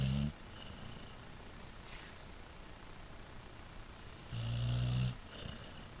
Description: snoring Zena /pitbull